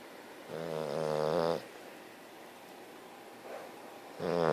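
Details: English bulldog snoring while very tired: rumbling, fluttering snores on the in-breath, with quieter breathing between, over a steady background hiss.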